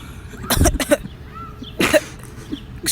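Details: Two short bursts of dry coughing in a public place with background noise; the person claims to have tested positive for coronavirus; cough.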